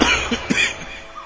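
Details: Cough.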